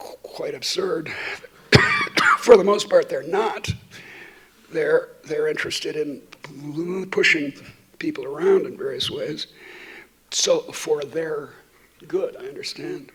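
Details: Adult woman who states she stutters, giving a keynote talk while she also has a terrible cold; repetitions heard; stuttering.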